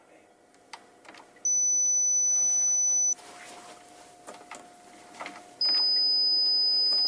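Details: Audiometry test tones from a hearing assessment, in the context of a young child diagnosed with hearing loss at 6 months of age.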